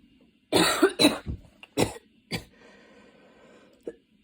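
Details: Person studying for an exam has a worsening cough attack, changing positions (standing, kneeling, sitting with hands on knees) to relieve the chest: run of about five harsh, forceful coughs tapering off; coughing fit.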